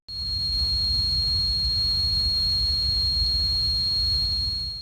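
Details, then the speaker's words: Simulated hissing tinnitus: steady high-pitched whistling hiss like steam escaping a boiling kettle; often linked to eardrum problems, louder with stress. "주전자가 끓을 때 하고 나가는 김소리 있잖아요. 그런 것들이 귀에서 난다고 하시는 분들이 있습니다."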